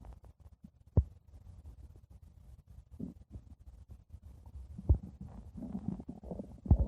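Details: Low gurgling rumbles with a few louder thuds against a quiet background, stomach growling from gas and fluid moving through the gut; borborygmi.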